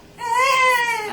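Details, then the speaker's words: Hungry newborn during a hearing test, hooked up to soft rapid clicking sounds: a single clear, high-pitched wail of about one second; an ordinary protest cry; infant crying. "you can't always be feeding you have to be tired at some point no he is not happy"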